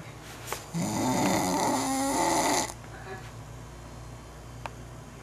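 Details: French Bulldog snoring: one long, loud, rattling snore with a buzzing, fluttering quality, followed by quieter breathing.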